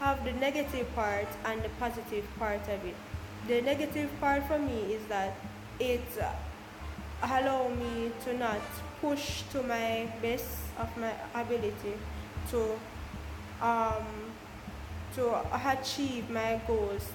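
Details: Adult woman, a Jamaican stutterer, speaking about her own stammer; stuttering.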